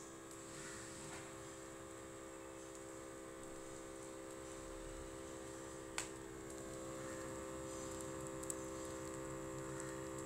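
Sustained low motor hum with faint clicks as an automatic blood pressure monitor inflates its cuff.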